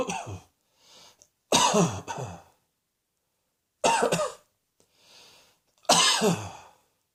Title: Cross Dressing Coughing 94